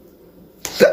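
A sudden short snorting, grunting burst breaks a quiet pause, a pig-like vocal tic of Tourette syndrome.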